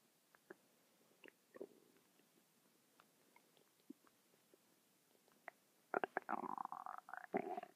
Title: my stomach making noises non-stop for 10 mins